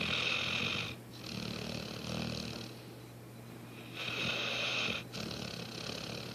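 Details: Sleeping dog snoring noisily: harsh, hissy, fluttering breaths repeating in slow cycles.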